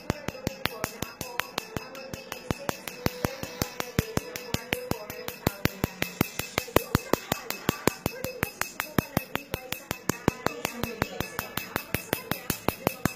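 Sharp, regular snapping clicks, about 54 a minute, over faint room noise: a tattoo removal laser firing pulse by pulse.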